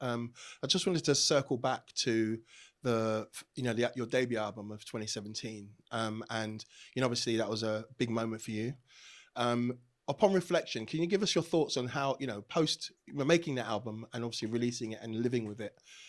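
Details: Adult male speaker; ordinary speech.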